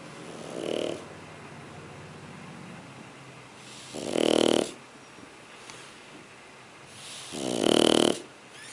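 Snoring from a sleeping dog, three rattling snores in about nine seconds, roughly 20 breaths a minute, over faint room noise.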